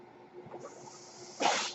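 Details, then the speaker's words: The male podcaster's own ventilator, audible in the background as he speaks; mechanical ventilator sound. "Hello, everyone. My name is, and that noise you're hearing is my ventilator."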